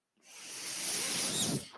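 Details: A podcaster's mechanical ventilator: a steady, rising airy hiss lasting about a second and a half, the airflow of a single ventilator breath.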